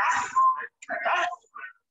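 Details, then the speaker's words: Child in respiratory distress: short voiced grunts with each breath out, expiratory grunting, a sign of tiring. "the grunting is also generally associated with blockages around the epiglottis around the top of the um the larynx there so have a listening to this one"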